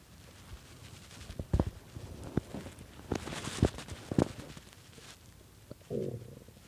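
Irregular gurgles, squeaks and rumbles from the belly, some loud, over several seconds. Stomach growling from hunger, a normal gut sound.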